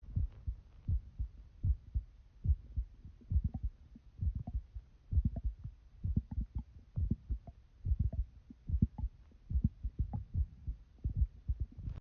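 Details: Irregular heartbeat with extra beats.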